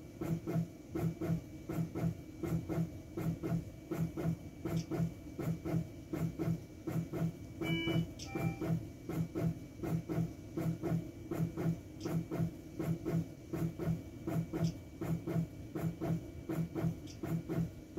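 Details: Teleflex Arrow intra-aortic balloon pump operating: steady rhythmic mechanical whooshing pulses, about 81 a minute, with a brief soft tone near the middle, cycling in time with the heart.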